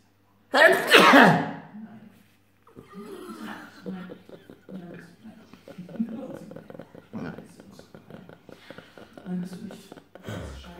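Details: A sneeze, in a recording about allergic sneezing and rhinitis.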